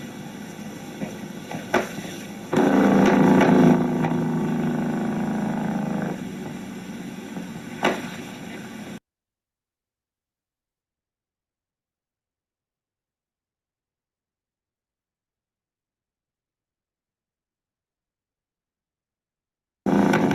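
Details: Complex repetitive discharges with fasciculations (EMG).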